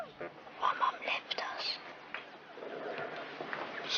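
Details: Acted portrayal of a young boy in a TV drama with hysterical dysphonia, possibly subconscious, after his mother left and the family moved; he whispers: functional (psychogenic) dysphonia with whispered speech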